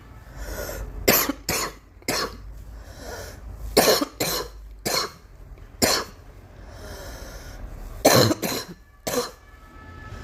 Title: Girl coughing 270